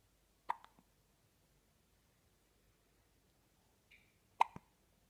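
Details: 4-day-old newborn girl, recorded 27 December 2016, also yawning: two brief, sharp hiccups about four seconds apart in a quiet room with a faint squeak between; newborn hiccups.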